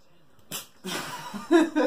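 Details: A wolf-mix dog at the vet gives a short nasal puff, then a louder, longer airy burst, with a brief voiced sound after; sneeze.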